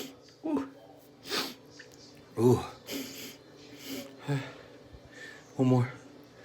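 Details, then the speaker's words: Run of about six induced sneezes, several voiced and snorting, from a person with a stuffed nose, a constant tickle and sneezes that had been getting stuck; sneezing in a small room. "but my sneezes have beginning stung so I'm gonna do a few induced ones to help it out"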